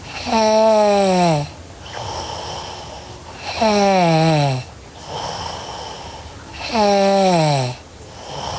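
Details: Sleeping girl snoring: loud buzzing snores on each breath in, falling in pitch, with quieter breaths out, about 19 breaths a minute.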